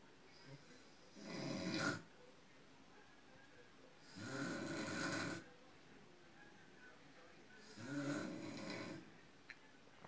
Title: Grandma snoring